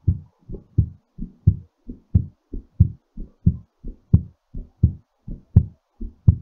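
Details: Strong, regular low heartbeats at about 85 per minute, slowing during recovery after exercise; normal heartbeat.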